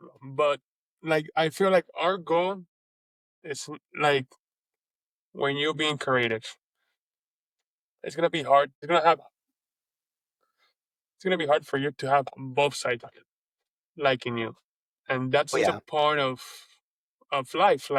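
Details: Adult man who has stuttered since age 4, with a stutter that goes up and down and that he lets happen rather than hiding it; stuttering.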